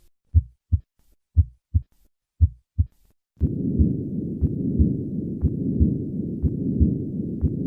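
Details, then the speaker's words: Regular heartbeat at about 59 a minute with a continuous rumbling machinery murmur of patent ductus arteriosus, peaking around the second heart sound and continuing through it into diastole. "the continuous murmur of a patent ductus arteriosus Peaks around the second heart sound and continues through this sound into diastole"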